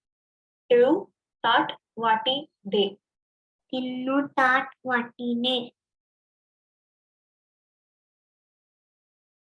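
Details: Child with cleft palate, sample two used in a teaching module; overall speech nasal; hypernasality.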